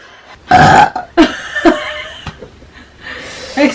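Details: One short, loud, voiced burp, then brief speech-like sounds; a single belch.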